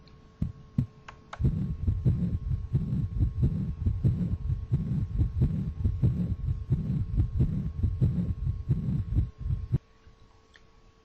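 Simulated heartbeat with a low rushing murmur filling systole between the heart sounds, over a steady electronic hum: a systolic regurgitant murmur of atrioventricular valve insufficiency.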